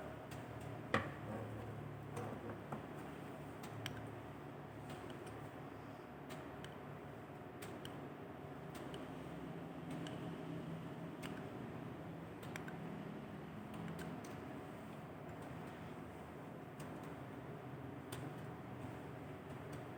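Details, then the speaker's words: Nursing physical exam of an adult male: finger percussion at nine points over the posterior chest, right and left, with soft hollow taps giving a normal resonant (sonor) note on both sides. "ini terdengar suara sonar antara posterior kanan dan kiri"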